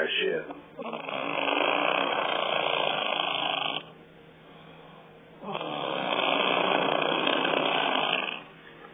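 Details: Loud, wet, flapping snores like a wet fart, about three seconds each with short quieter pauses between them; snoring.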